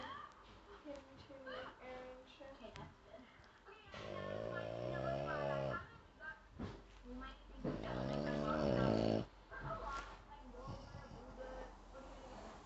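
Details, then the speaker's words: Two long, loud, vibrating snores from a sleeping dog, with quiet room sounds and faint talk between them; loud dog snoring. "filming the snoring. This boy is so loud."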